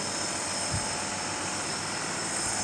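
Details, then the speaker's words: Steady mechanical hum and hiss of a nebulizer compressor running behind a child wearing a nebulizer mask while treating a cold, cough and fever, with no speech. "ऐसे ऐसे हम ये अपना nebuliser mask लगा लिए हैं। Machine रख लिए हैं पीछे।"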